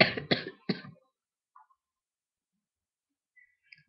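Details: Three quick, harsh coughs in a row, then quiet with faint room sounds, from a person sick since Monday with a sore throat and coughing a lot; an acute cough during a respiratory illness.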